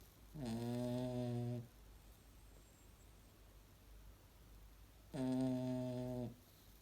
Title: Snoring dog